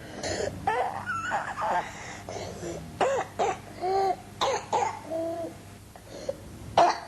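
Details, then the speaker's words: Boy with moderately severe croup, not toxic, with external recession: repeated harsh, hoarse, seal-like barking coughs, with persistent stridor more marked on inspiration. "the characteristic barking cough of croup this second boy has moderately severe croup"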